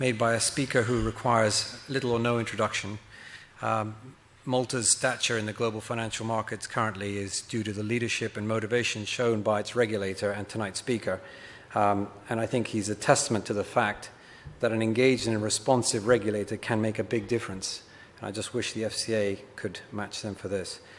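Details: Adult male speaker; Normal voice.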